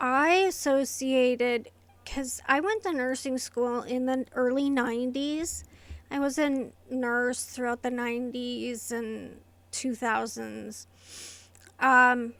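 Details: Adult woman with inherited, progressive essential tremor affecting her vocal cords and hands, diagnosed by a movement-disorder neurologist, plus medication-induced tardive dyskinesia from long-term antipsychotic use; essential voice tremor.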